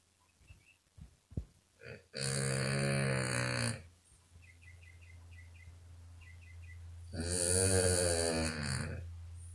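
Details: Sleeping female puppy snoring: two long, loud rattling snores with quieter breathing and small noises between, snoring enough to wake herself up.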